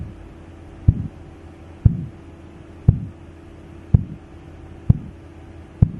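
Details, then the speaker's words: Blood pressure measurement: regular, clear low tapping at about 60 a minute, the first clear tapping phase marking systolic pressure, before murmur-like sounds follow: Korotkoff sounds. "اول خطوه معانا اللي هي الكلير تابين الصوت بيبقى كلير في البدايه وطبيعي اول ما اسمع الصوت ده اول صوت اسمعه هو السيستك بلاد بريشر"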